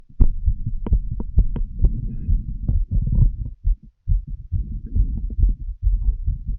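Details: Stethoscope auscultation of an adult woman's heart while she smokes a cigarette: dull, low heartbeat thumps, partly covered by chest-piece rustling and breathing noise.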